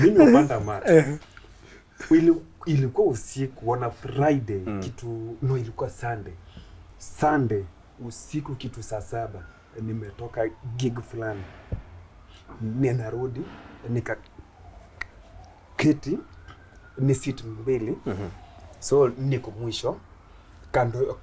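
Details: Stuttering (stammering) in an adult Kenyan male comedian who began stammering in school; he finds plosive sounds especially difficult and shakes his head when he stammers.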